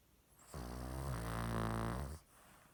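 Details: Cavalier King Charles dog: a single loud, low, rattling snore lasting under two seconds, loud for such a tiny dog. Snoring.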